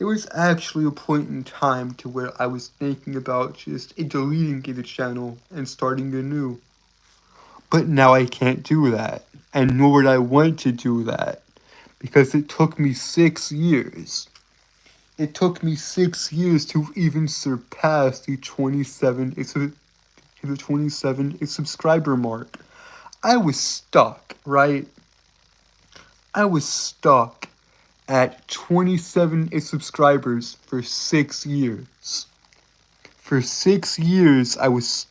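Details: Stuttering with word and phrase repetitions; male speaker reports a speech impediment causing him to stutter and trip over his words.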